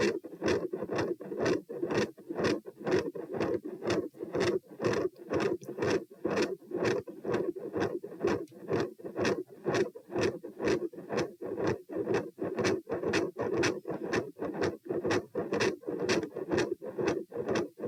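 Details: Heart auscultation stress test at position P, rates 90-102-132-78 bpm while lying, sitting, standing, then lying, in hot weather: fast regular beats, rough murmur between, mid-systolic murmur with very loud S2.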